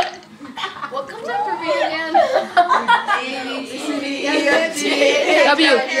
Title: Kid burping abc's